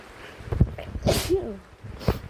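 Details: Adult with a cold, camping in a tent on a rainy day, gives two sharp, explosive sneezes with a quick in-breath before the first, over steady rain noise.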